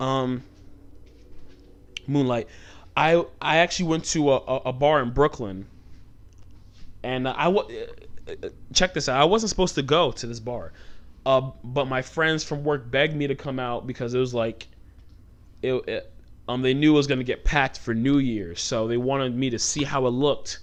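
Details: Adult host with stuttering since childhood; it shows when he talks fast or gets passionate, and he tries to keep it under control by talking slowly.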